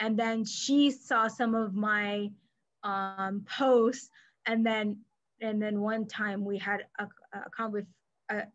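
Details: Adult woman who stutters, herself a speech-language pathologist; mainly silent blocks when younger, later fillers, with covert periods; here part-word and word repetitions; stuttering.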